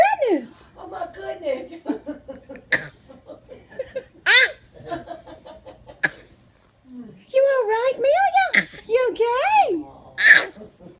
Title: Funny baby fake coughing for attention